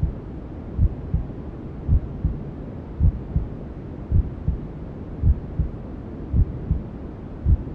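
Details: Newborn sleep ASMR: steady soft low maternal heartbeat thumps, about 55–60 a minute, under constant white-noise hiss, imitating sounds from inside the mother's womb.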